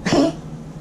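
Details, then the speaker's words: Male neutered poodle with collapsing trachea and some heart disease: single harsh goose-honking cough; tracheal collapse cough. "as we know the collection tracheal cop is a pretty distinctive call that makes us all very anxious goose honking cough that's in Sparky can be able to be lightly stimulated with select pressure on his windpipe"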